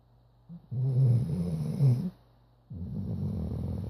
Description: Chocolate Lab rattles the windows snoring!